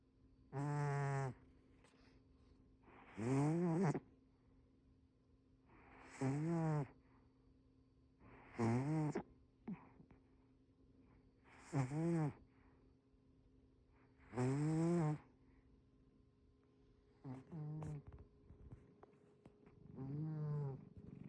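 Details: A sleeping cat snoring loudly, with regular tonal, buzzy snores about 21 times a minute.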